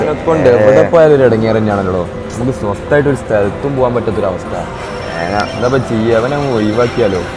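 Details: Adult man, acted skit; no speech disorder.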